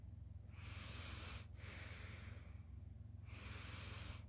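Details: Quiet snoring: soft, hissing breaths through the nose with a faint low flutter, over a steady low hum in the room.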